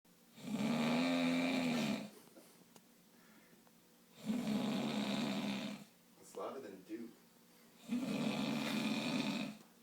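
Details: Loud, drawn-out rattling snores about every three to four seconds, roughly 16 a minute, from an adult sleeping in the morning, with brief background voices: snoring.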